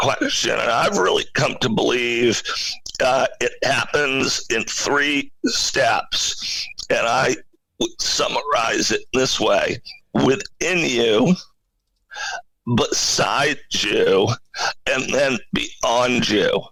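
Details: Adult man with spasmodic dysphonia, a rare neurological voice disorder affecting only speech, acquired in 2010 with sudden onset of difficulty using his voice; no known cause or cure.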